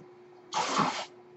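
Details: Speaker's own home mechanical ventilator, audible while he talks: a single airy half-second whoosh over a faint steady room hum; one ventilator breath cycle.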